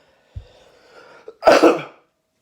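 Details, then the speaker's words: Someone eating Samyang stew cup noodles sucks broth back into his throat while slurping, then a sudden harsh double reflex cough clearing it. "oh i freaking sucked that right back into my throat there oh man cool cool that was a good try of the"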